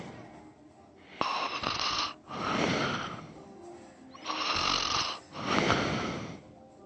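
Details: Loud, harsh, rattling breath noise on both breathing in and out, two full cycles at a steady sleeping rhythm, from a person who is also sleep talking: snoring.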